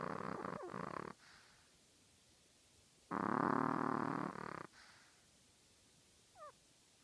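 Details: A tiny 3.5-pound chihuahua snoring loudly: two long, rattling, purr-like breaths a few seconds apart in a quiet room.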